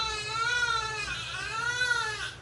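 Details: Loud, sustained, clear, vigorous cry of a newborn baby girl just after a normal vaginal birth, heard right after the pushing and delivery; healthy newborn cry.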